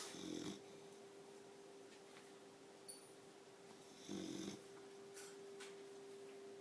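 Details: Snoring from a sleeping 4-month-old boxer puppy: two short, rough snores a few seconds apart in a quiet room with a steady hum.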